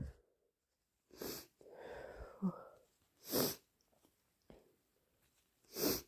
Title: Induced hayfever sneezes and blows